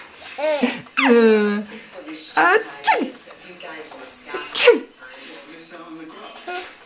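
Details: Grandfather sneezing loudly and abruptly, each sneeze a sharp explosive burst, while his baby grandson giggles and squeals with laughter.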